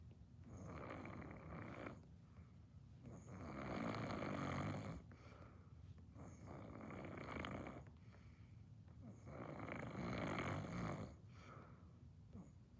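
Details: Loud, rough snores in long breath cycles, about 10 a minute, with quieter breaths between; snoring.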